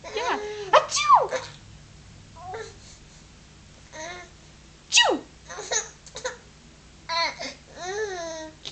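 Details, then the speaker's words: Playful fake sneezes mixed with giggling and babbling, an imitation rather than a true sneeze: sneezing. "you sneeze too a you oh that was your Oh no you're sneezing too"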